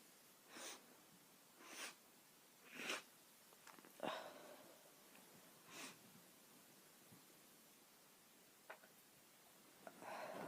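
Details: Quick run of about five sharp, hissing sneezes within six seconds, then sniffs, from a woman; sneezing fit.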